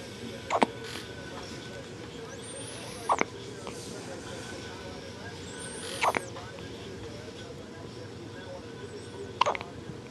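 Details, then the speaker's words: Infant boy's first hiccups: four brief, sharp hiccups about every three seconds, roughly twenty a minute, over steady background hum. "What? It's his first hiccups."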